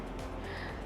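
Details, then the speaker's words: Syringe pump (Fyrom Drive type) end-of-infusion alarm: steady electronic alarm tone sounding after the infusion finishes; can be silenced for 2 minutes. "setelah proses infus selesai akan ada pertanda alarm seperti ini"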